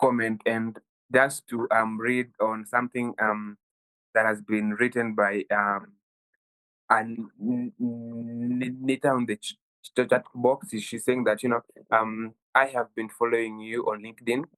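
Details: 23-year-old Kenyan man who has stammered since childhood, worsening at university; stuttering.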